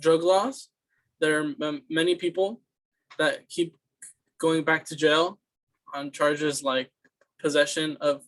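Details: Student's fluency speech sample for a communication disorders class, answering interview questions: stuttering with repeated words and phrases (disfluent speech).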